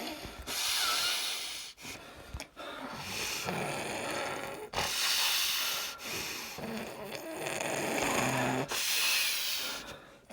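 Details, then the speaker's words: Adult woman with seizures during a grand mal tonic-clonic seizure, arms and leg locked: loud, harsh, rattling snore-like gasping breaths with brief pauses, about 14 a minute; stertorous breathing after she had trouble breathing. "just now she had trouble breathing so I was going to phone 911 but now she's [Applause] breathing"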